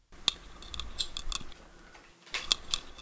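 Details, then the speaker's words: Hand scaler on facial and lingual tooth surfaces around brackets of a patient with braces, in a reenacted cleaning: short, sharp scraping clicks in a quiet room. "of course the facials will be a little different for the clinician to adapt the instrument to the tooth because of the bracket being there right but it is possible and that is what they are doing now"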